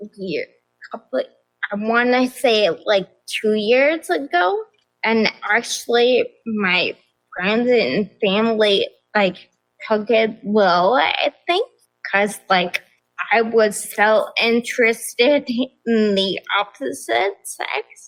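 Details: Adult woman with progressive ataxia of still-undiagnosed type affecting nerves, balance, speech and mobility; mainly a wheelchair user; ataxic dysarthria.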